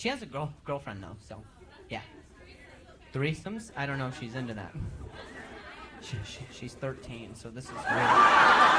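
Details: Male stand-up comedian who stutters, speaking live on stage during crowd work; he says noises in his ear while talking trigger his stuttering again; stuttering.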